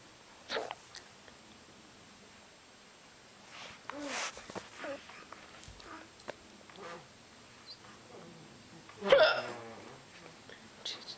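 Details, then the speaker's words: Person with painful hiccups while nannying a baby, also yawning: several short, abrupt hiccup sounds with quiet gaps, one loud and sharp near the end; some hiccups are said to really hurt. "some of these hiccups really hurt ow"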